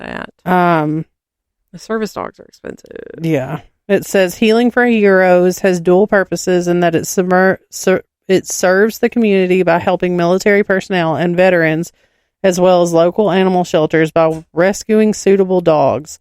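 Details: Podcast host who refers to her own stutter after a disfluency; stuttering.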